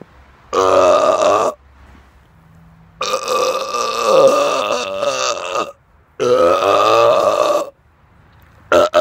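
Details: Adult man burping after eating too much fast food and drinking many carbonated drinks days earlier, recorded outdoors in the dark: three long, loud, voiced belches separated by quiet pauses, a fourth starting at the end; ordinary burping.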